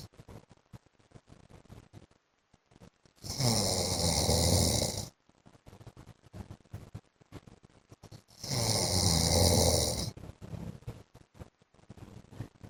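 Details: Adult man (husband) snoring in sleep, from a 15-minute recording: two loud, rough snores about five seconds apart, with quiet breathing and faint room noise between.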